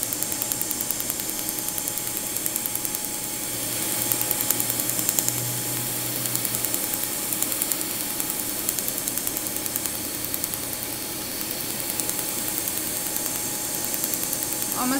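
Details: Laser firing during tattoo removal of a scripted name tattoo on a patient's upper back: rapid rattling clicks, about three pulses a second, over steady machine hiss and hum.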